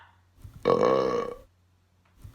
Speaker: let's do a burp contest oh my goodness this will be fun